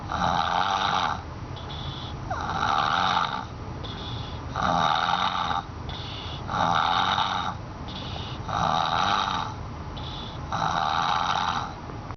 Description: this baby sounds like a helicopter in a boiler factory